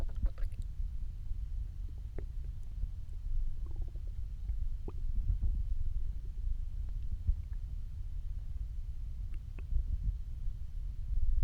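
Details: Hungry stomach growls after almost 24 hours without eating: low, continuous rumbling with scattered gurgles and squeaks; borborygmi.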